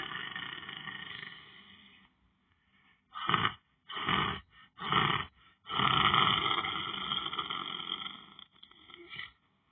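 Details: Person lying down on the floor asleep; harsh, rattling sounds come in bursts with breaths, some long and drawn out; loud snoring.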